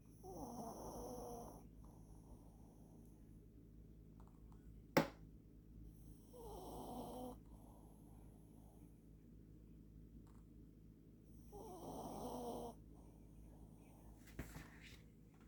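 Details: Snoring: three slow, rough snoring breaths with quiet pauses between them, about one every five to six seconds, with one sharp click partway through.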